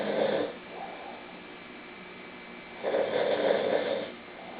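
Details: Ordinary snoring: two rough, buzzing snores on inhalation with quiet breathing between.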